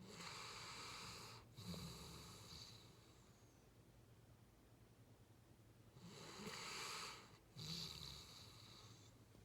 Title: Sleeping snoring dog